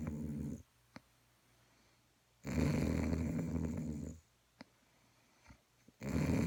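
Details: Snoring: long, rough, low rumbling breaths separated by quiet pauses with a few soft clicks, possibly from a sleeping dog.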